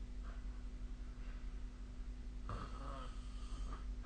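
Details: Snoring during sleep, recorded with the SnoreLab app on 2025/04/06: soft snoring under steady room hum, with one clearer rattling snore partway through.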